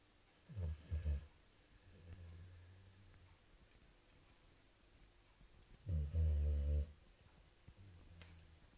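Deep, rumbling snores from a sleeping dog, one loud and prolonged, with soft snuffling breaths in a quiet room.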